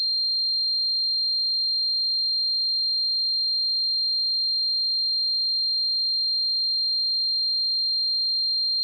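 A steady, unbroken high-pitched tone, a simulation of the ringing heard in tinnitus.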